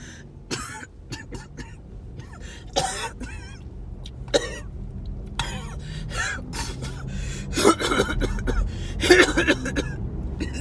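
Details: Coughing fit recorded during a car ride to the hospital ER: bursts of harsh repeated coughing with throat clearing and gasping breaths over steady car road noise.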